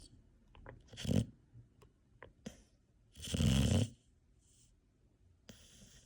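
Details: Snoring in a sleeping female rescue bully-breed puppy: two loud, rough snoring breaths with softer breathing between them, in a quiet room.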